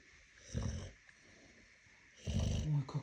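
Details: Snoring from a sleeping pregnant Cane Corso female carrying puppies: two low, rattling snores with quiet breathing between them.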